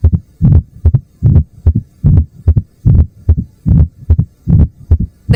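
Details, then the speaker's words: Mitral stenosis heard with the bell at the apex, quiz example: sharp opening snap, then a low-pitched diastolic rumble like distant thunder, with regular heart sounds near 74 per minute. "Bell on the apex now. You hear a low-pitched diastolic rumble with a sharp opening snap as the valve flies open. It sounds like distant thunder."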